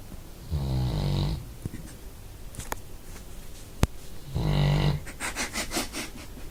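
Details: Resting dog snoring: two deep, buzzing snores on breathing in, separated by quiet breathing and a few clicks.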